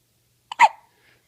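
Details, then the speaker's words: Cat with hiccups: a single short, sharp hiccup-like yelp, with quiet before and after. "who's got the hiccups yeah what you have the hiccups yeah your hicups"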